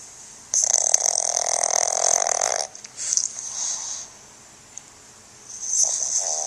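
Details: Pug sleeping and snoring, recorded 2010 on a Flip Video camcorder: loud rattling snore, long noisy breath then softer snorts on the next in-breath.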